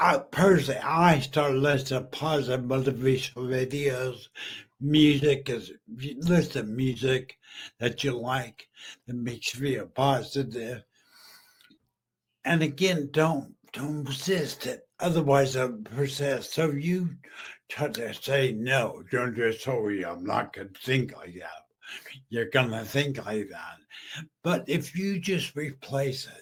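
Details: Adult male stroke survivor about 15 years after stroke and brain injury, half paralysed and using a wheelchair, previously mute, with an ongoing speech deficit; mild aphasia after stroke.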